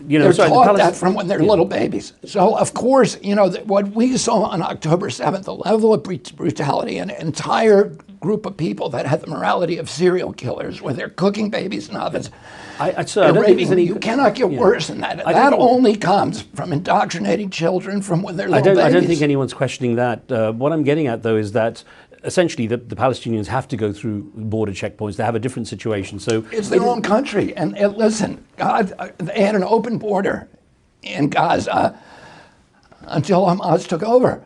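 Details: Spasmodic dysphonia in an adult male, attributed to a neurological injury in 1996 at age 42 that causes his brain to send the wrong signals to his vocal cords.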